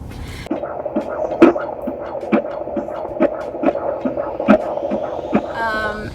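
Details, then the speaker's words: Fetal heartbeat on ultrasound Doppler at the 20-week scan of a baby boy: rapid, regular whooshing pulses at 140 beats per minute, a normal rate. "heartbeat on check was 140 beats per minute which is good he said beautiful"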